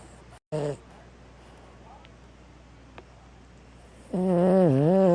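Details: Five-year-old male, species not stated, snoring while asleep: a short snort, then a long, voiced, wavering snore over quiet room noise.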